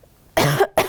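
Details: Normal voluntary cough into the elbow on request during a demonstration bedside (clinical) swallow evaluation, oral mechanism exam.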